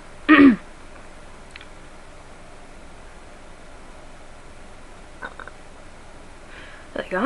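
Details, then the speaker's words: Hiccups recorded by the person having them, who says they keep returning after seeming gone: brief sharp catching sounds separated by long quiet gaps over several seconds. "I love how my hiccups like to make a fool of me they're like go ahead talk about say they're gone say we're gone then they just come back"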